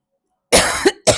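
An adult gives a single rough cough with a short throat-clearing burst, then a second cough onset.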